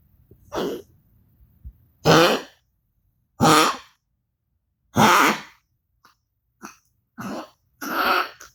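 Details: Dog coughing for a veterinarian: about six harsh, forceful coughs roughly a second apart with short pauses, in a quiet room.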